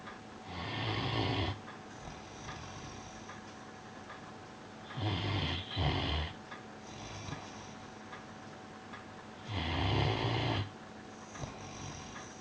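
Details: Piran snoozing on his bed: three loud rattling snores on in-breaths, about every four to five seconds, with quiet breathing between; snoring.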